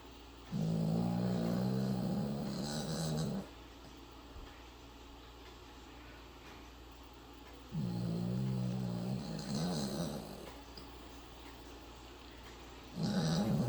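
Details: Yorkie (small dog) snoring loudly in sleep: rattling snores about three seconds each with quiet pauses between, roughly 14 breaths a minute.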